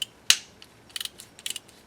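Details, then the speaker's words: Short bursts of sharp metallic ratchet clicks from a driver tightening a Zest SATURNO narrow diameter implant in an upper maxillary arch demonstration, lined up at the 4 mm mark until fully snug and parallel with the other implants. "until till it's fully snug and there we go now we have those in line and parallel to the rest of the implants"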